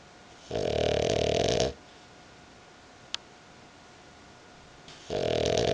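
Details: Female dog asleep on owner's belly: two loud, rough, rattling snores a few seconds apart, with quiet room noise between them; snoring.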